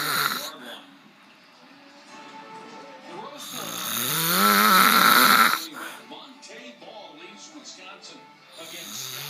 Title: My uncle Snoring :)